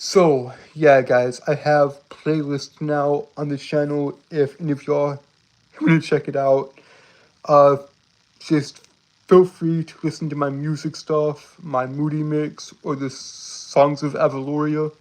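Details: Speech disfluency in a male streamer who says he has a speech impediment he cannot help.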